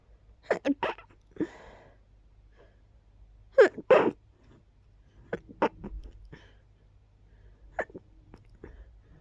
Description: I just started sneezing immediately when I woke up 🤔... Not sure why exactly. Agh, allergies.. what can you do? ;)